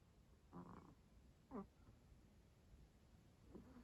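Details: Snoring in a sleeping Chihuahua that is sleeping late: three soft, snorting snores about a second apart, against room noise.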